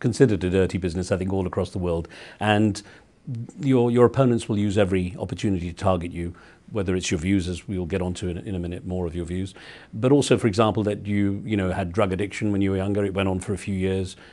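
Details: Adult male speaker; Normal speech.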